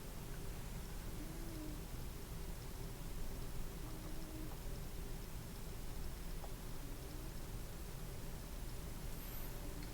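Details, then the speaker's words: Adult abdominal auscultation with a stethoscope starting at the right lower quadrant: low rumbling with brief gurgles, active (hyperactive) bowel sounds heard immediately, deemed normal here and possibly from hunger. "like the moment I placed the stethoscope I heard vowel sounds right away"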